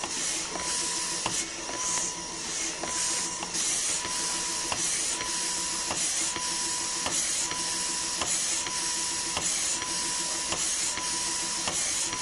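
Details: Running breast pump, a royalty-free sound effect recording: rhythmic mechanical pumping with a repeating tone and hiss, about 52 cycles per minute.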